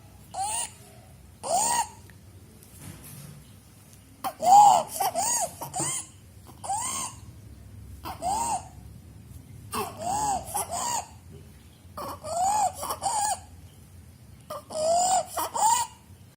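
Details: Infant with bilateral vocal cord abductor palsy and laryngomalacia: repeated high, crowing, musical inspiratory stridor, which disappears with distraction and during sleep.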